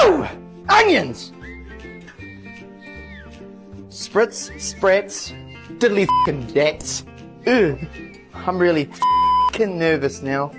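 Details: Adult man with Tourette syndrome, with involuntary vocal tics of exclamations and out-of-context phrases; Tourette syndrome vocal tics.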